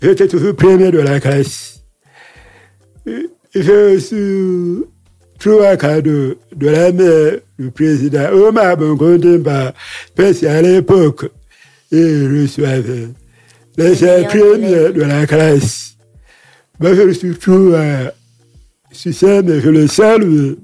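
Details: Man with hearing loss from a childhood illness, lip-reads; he says his voice is not normal because of that illness; real French speech; deaf speech.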